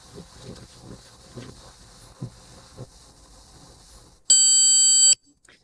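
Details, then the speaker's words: ThermoGlide thermal ablation demonstrated on a piece of chicken, treatment about 20 seconds: quiet room sounds, then one long, loud, steady beep under a second signalling the treatment cycle is complete, before cool-down and removal. "longer beep tells you the treatment is completed now we're just awaiting the cool down process before removal"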